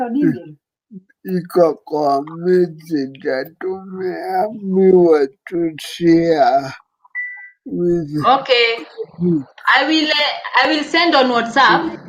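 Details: Dysarthria in an adult man living with cerebral palsy.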